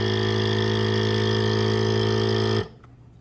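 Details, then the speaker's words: DeVilbiss Traveler portable compressor nebulizer being switched on: steady low motor hum with a buzzing rattle that stops abruptly. "Okay, this nebulizer is a portable one, so you can see it's quite small, and this is how you turn it on."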